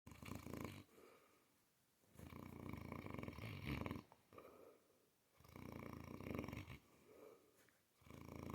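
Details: Mastiff female dog snoring: loud rumbling snores on the in-breath with softer out-breaths, about two full breaths in eight seconds.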